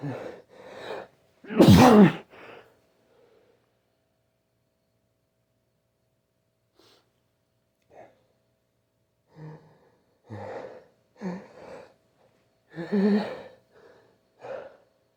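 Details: Male with a persistent nose tickle sneezing into a tissue: sharp gasping intakes build into one loud explosive sneeze, followed by quieter gasps and sniffs. Sneezing.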